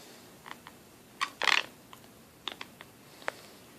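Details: Teeth grinding and clenching (bruxism): sharp clicks and one brief gritty scrape of teeth grinding against each other.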